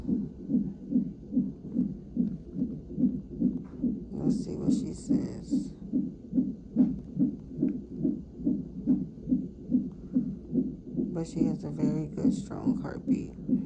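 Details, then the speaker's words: Fetal heart tones on a labor-and-delivery triage monitor at 34 weeks' pregnancy, mother with unbearable pain and pressure; rapid, regular whooshing beats about 143 a minute, strong. "ok at hear the heartbeat they got me on the [Music] monitor this is what they got me on"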